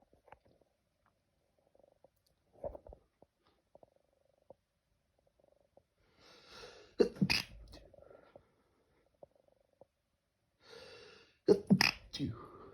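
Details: Late-night sneezing in a quiet room: two sharp, explosive bursts near the end, with a few faint sniffs between.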